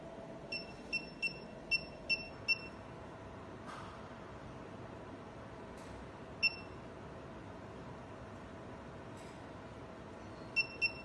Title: Physical Therapy Pain Relief Shockwave Therapy Machine